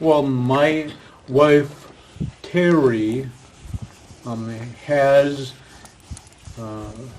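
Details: Aphasia in a man after a stroke, previously in a professional career.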